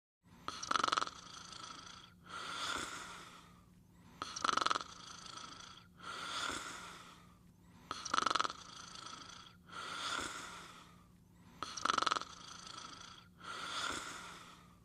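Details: Sleeping and snoring: loud rhythmic snores, each breath in and out rattling, about 16 breaths a minute, with a steady low hum behind.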